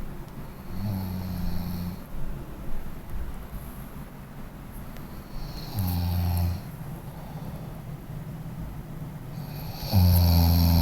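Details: Person snoring during sleep: deep, low, droning snores roughly every four to five seconds, about 13 a minute, over steady background noise.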